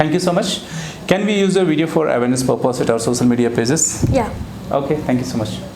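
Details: Adult male speakers in conversation; fluent speech.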